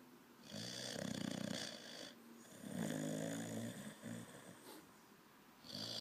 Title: Olde English Bulldogge puppy 6 months Snoring